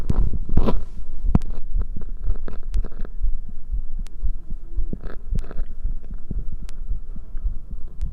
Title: visible heartbeat and heart sound